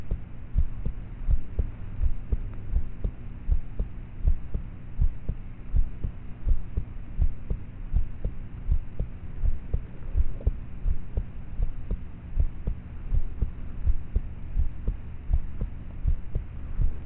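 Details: Quiet, regular heartbeat around 82 beats a minute under a steady low hum, self-recorded at about age thirteen (estimated) at night with a cheap mp3 player's mic; poor-quality recording of normal heart sounds.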